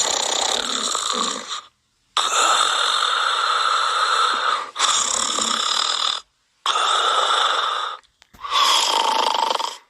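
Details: Cartoon sound effect, not real: loud, harsh, drawn-out snoring breaths in a regular pattern separated by short silences; snoring.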